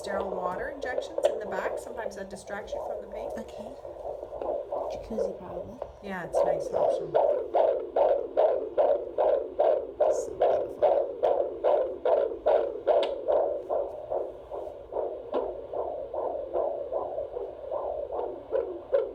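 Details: Fetal heartbeat at 32 weeks of pregnancy, heard on Doppler: rapid, regular whooshing beats at about 146 per minute, a normal fetal heart rate.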